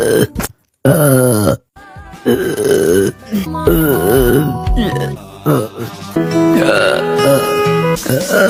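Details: Repeated loud, drawn-out croaking belches with short hiccup-like catches between them, over background music; hiccup burps; burping.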